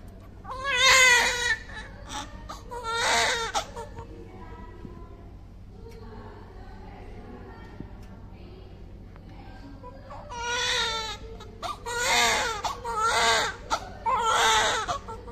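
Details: Full-term newborn baby boy, 2.8 kg, normal delivery, first cry: loud, strong crying bursts separated by quieter pauses and soft whimpers; a vigorous, normal newborn cry.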